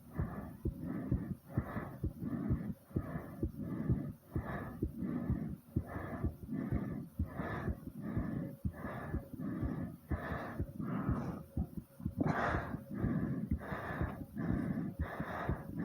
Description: i was doing some squats here and it almost wore me out like comment subscribe and enjoy #breathing #heartbeat #ASMR